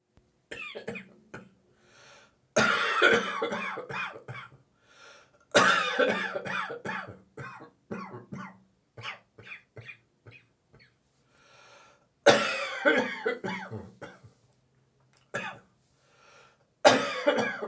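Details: Dry cough: an adult's repeated harsh, dry, throaty coughing fits with quieter throat-clearing between them, the morning after drinking more beer than usual in the evening.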